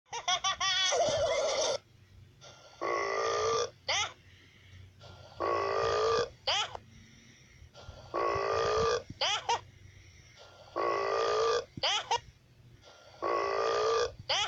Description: Funny burp bunnicula